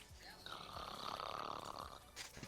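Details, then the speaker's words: Imitated snoring: drawn-out rattling, snorting breath noise over faint background game audio, not real sleep snoring. "You fell asleep and have been snoring for about 2 minutes."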